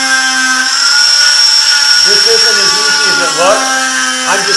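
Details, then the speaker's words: Stryker oscillating cast saw cutting along the inside of a hardened cast in a veterinary teaching demonstration: steady high-pitched motor whine with a person talking over it. "once you got it cut like that you don't want to set it on the table cuz it'll run all over the table until it stops"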